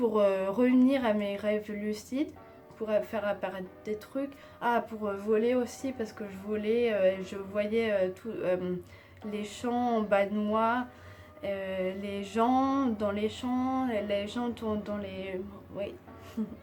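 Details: Woman with aphasia after a stroke, which worsened after a second operation, with speech varying day to day; she also has Tourette syndrome from age 3, surgically treated; finding: aphasia.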